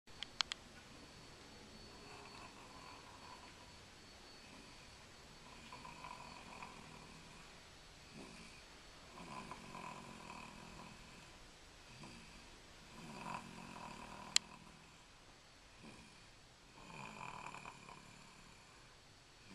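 Quiet, repeated rough breathing sounds during sleep over room hiss, with a few sharp clicks; soft snoring.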